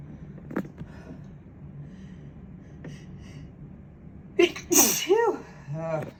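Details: Sneeze that came on while putting away dishes: after quiet room noise, one sharp sneeze followed by a short vocal sound.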